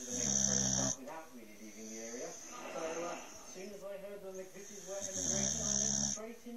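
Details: Snoring from a sleeping boxer dog.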